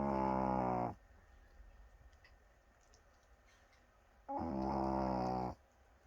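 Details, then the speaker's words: Sleeping Chihuahua snoring loudly enough to be heard over the TV: two long, loud, buzzing breath sounds about three seconds apart with quiet between them; snoring. "dude you are so loud i'm sorry but you were snoring so loud you were snoring over the tv"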